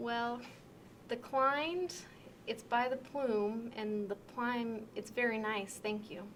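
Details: Severe transcortical sensory aphasia, demonstrated: fluent but meaningless answer to a conversational question, showing difficulty taking part in conversation.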